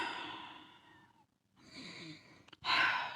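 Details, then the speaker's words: Deliberately imitated quick, shallow breaths with a slightly wheezy, sighing quality, a demonstration of tense shallow upper-chest breathing linked to stress and neck tension. "don't know if you can hear my wheezing, but I'm purposely making this wheezing shallow sound to demonstrate shallow breath that creates a lot of tension into the body."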